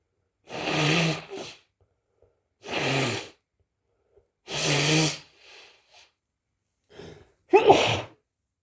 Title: sneezes